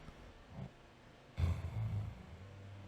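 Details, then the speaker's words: A sleeper's own throat clearing, captured by a sleep-tracking app recording: a single low, gruff sound, faint against quiet room hiss; throat clearing. "don't know if you can hear that that's me clearing my throat"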